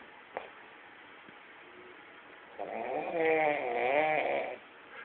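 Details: Notoriously loud sleeper's snoring, likened to a tractor engine: quiet breathing, then a long, rising, buzzing, whistly snore on one breath lasting about two seconds; snoring.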